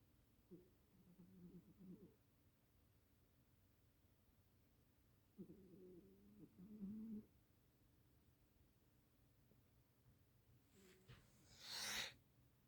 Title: Hobbes - snoring 🔊🔊⬆️